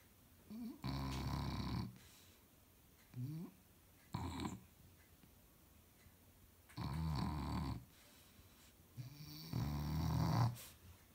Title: Shar Pei snoring 🐾🐾🐾